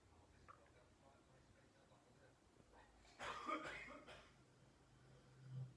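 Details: Adult man coughing in another room while Caspar clambers on the recorder: a short burst of muffled coughing over quiet indoor background noise.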